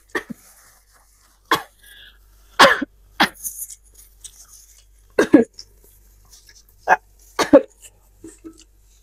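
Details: Irritant cough from a woman eating very spicy Pop Mie instant noodles during a mukbang: several short, sharp coughs in small clusters, with a little breathing between.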